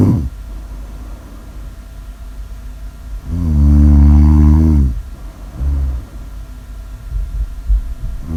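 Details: Snoring: one long, deep droning snore with a strong low buzz, then a shorter, softer one, over steady room noise.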